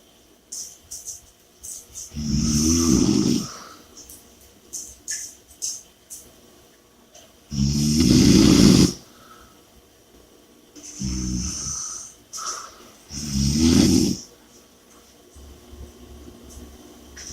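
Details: Audio recording of snoring with heavy breathing: loud, rattling snores on inhalation, about 11 a minute, with heavy breathing between and faint background music; snoring.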